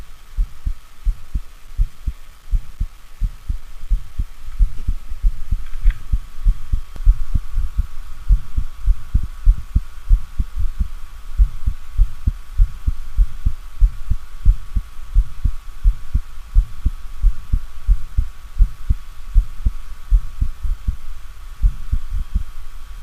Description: Mitral stenosis, diastolic murmurs, the low pitched rumbling murmurs starts after the opening snap and lasts until mid diastole.